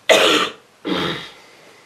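Two harsh, rough coughs in quick succession; a cold cough.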